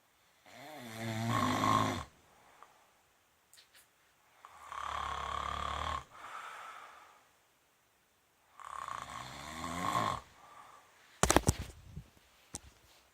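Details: Cow snoring: deep, loud rumbling snores with breaths out between, ending in a few clatters of background noise.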